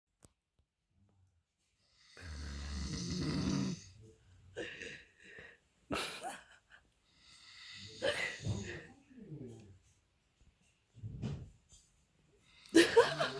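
Irregular loud snorting snores and rough breathing noises during sleep, with uneven spacing between breaths.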